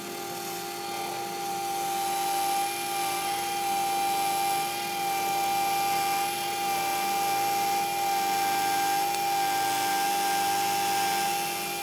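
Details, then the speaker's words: Steady high motor whine of a 3.0 mm diameter twist drill running throughout, preparing the site for a 3.75 × 13 mm MIS C1 dental implant after the pilot drill, over faint room noise. "I can test my depth using the body try in next up is the 3.0 millimeter diameter twist drill"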